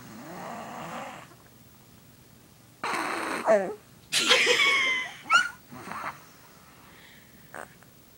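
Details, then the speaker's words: 4-year-old boy snoring loudly: scattered noisy, rattling breaths with a sniffly, wheezy edge in a quiet room; child snoring. "We here can't sleep because of my brother. He's 4 years old and snoring his lungs out."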